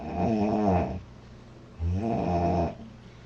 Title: Loud girl snoring July 05 2017